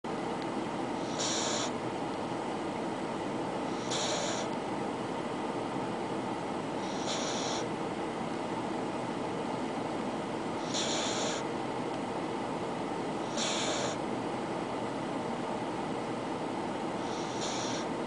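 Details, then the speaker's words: Female West Highland White Terrier puppy snoring a little while asleep in the car after a vet trip: faint, high whistling snores every few seconds, about 20 a minute, over loud steady room noise. "Diamond, you sleeping? Snoring a little bit there? Had a rough day at the vet."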